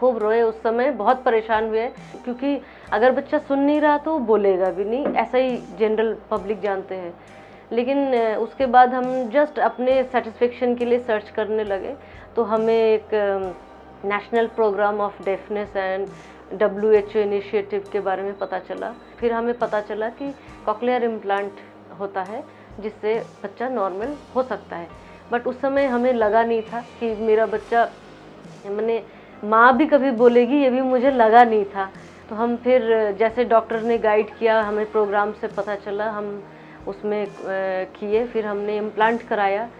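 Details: Adult woman speaking Hindi; normal adult speech.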